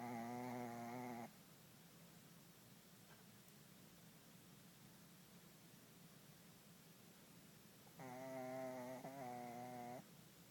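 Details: Sleeping puppy snoring: two buzzing, somewhat whistly snores about eight seconds apart with quiet room hiss between.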